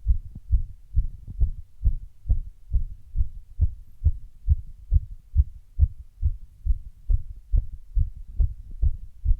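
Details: Heart sounds after running: a fast heartbeat of roughly 135 a minute with brief irregular spacing partway through, an intermittent arrhythmia.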